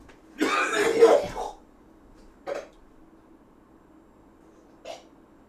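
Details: A long harsh cough and throat-clearing burst, then two brief throat clears, from a cook with a smoker's cough who accidentally breathed pepper in a kitchen; irritant cough.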